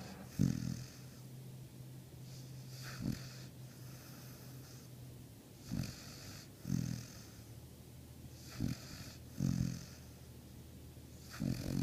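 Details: Low, rough snorting snores recurring every few seconds over steady breathing noise from a hound dog snoring in its sleep.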